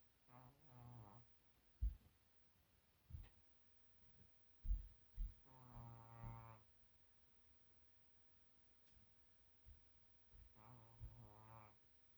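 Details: Fat shorthair cat snoring extremely loudly while asleep: three loud, buzzing, fluttering snores every few seconds with quiet pauses and soft knocks between, loud enough that neighbours thought it was the owner.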